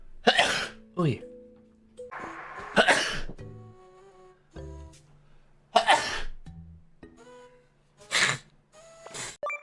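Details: Compilation of sneezes from VTubers: four sharp, explosive sneezes, some with a brief vocal lead-in, with bits of voice and light music between them; repeated sneezing.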